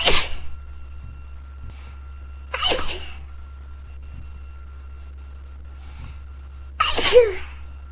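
Three sharp, explosive sneezes in quick succession over about eight seconds, with a faint steady hum in the room.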